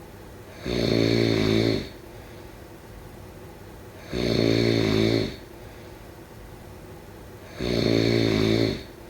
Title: Snoring sounds…